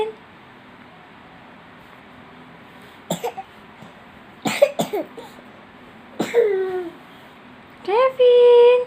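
Several short, harsh coughs in brief bursts from a child, followed by a whining vocal sound at the end.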